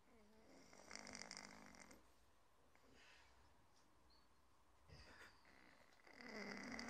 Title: Cat Snoring like a human | 4K